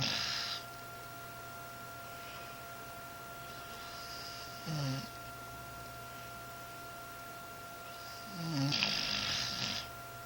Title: snoring